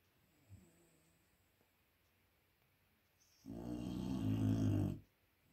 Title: Snoring loudly #dogue de Bordeaux #dog #frenchmastiff #puppy #sleepingpuppy #cutepuppy #puppylove